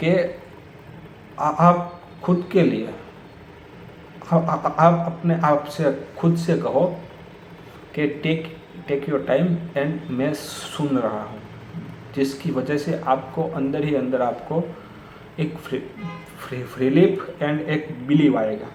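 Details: Stuttering in an adult man who has stammered for many years; he says it worsens when talking to his father and that he blocks on the 's' sound.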